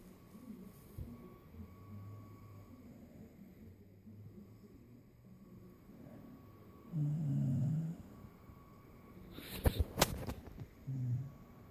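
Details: Puppy snoring after a long day: low rumbling snores with a loud drawn-out snore and a few snorts.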